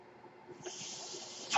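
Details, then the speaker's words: Mechanical ventilator airflow: the speaker's own ventilator, heard behind his podcast speech. "Hello, everyone. My name is, and that noise you're hearing is my ventilator."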